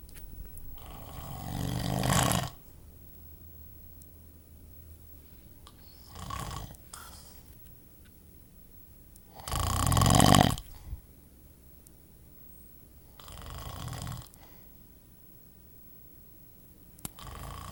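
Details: Snoring during sleep: loud, rough, rumbling snores alternating with softer breaths and a few clicks, in a small room.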